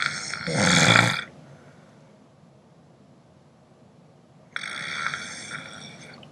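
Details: Roommates snoring: two loud, rough, rasping noises about three and a half seconds apart, with quiet between; snoring.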